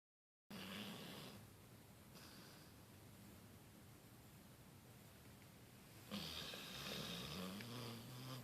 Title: talbot hound snoring